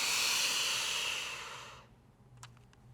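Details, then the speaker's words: Quick, deep, hissing two-second breath in through a Diskus dry powder inhaler, lips sealed on the mouthpiece, no spacer, then quiet; inhaler inhalation. "inhale or breathe in quickly and deeply through your mouth until you take a full deep breath like this"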